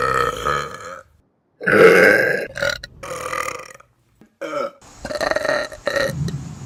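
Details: Several loud, drawn-out voiced belches in a row with brief silences between them, taken from a compilation of favorite burps; ordinary burping.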